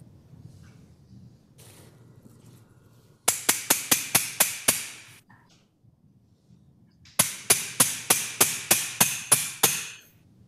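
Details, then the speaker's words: Surgical mallet driving a joint finder into the sacroiliac joint under X-ray during posterolateral SI joint fusion with hardware: two series of sharp regular metallic taps, about six then ten blows. "and you basically Mallet it in oops where's your X-ray there you go do you have a bigger Hammer there you go"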